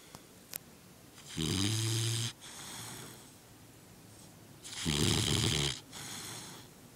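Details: Red, almost 3 months old, asleep on shoes; two loud, rough, low snores on breathing in, each followed by a softer breath out, about 17 breaths a minute: snoring.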